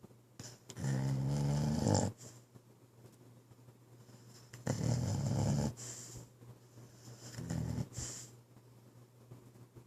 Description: Pit bull Kai snoring while he sleeps